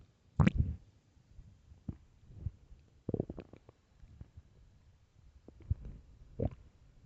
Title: LOUD starving stomach growls (headphones) part 3